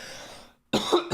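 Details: A faint stretch of room noise, a brief pause, then a single sharp, forceful adult cough; described as a bad cough.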